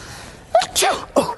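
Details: Sneeze performed on people as a prank: a sharp breath in, then a single explosive sneeze with a short voiced sound after it over faint background noise.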